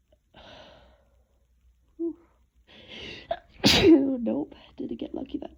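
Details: Person with a cold, woken by a sneezing fit with barely time to breathe between sneezes: quick catching breaths build to one forceful, voiced sneeze, then short voiced sounds and soft talk; sneezing.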